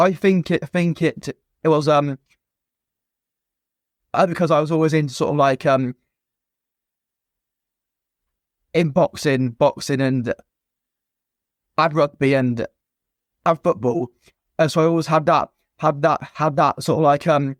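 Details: Adult man, a former soldier, who has stammered since a young age, with blocks and repetitions; stuttering.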